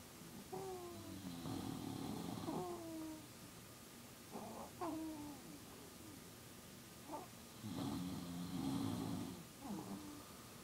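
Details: Soft, repeated snuffling snores with squeaky whistling notes at 2 AM, one sleeper snoring beside another; low recording level over a steady background hiss. Snoring during sleep.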